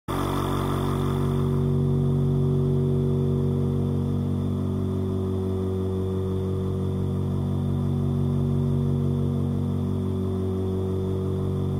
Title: №61 Nebulizer motor sound - 10 hours. Sound for sleep. Noise for sleep. Sleep sound. ASMR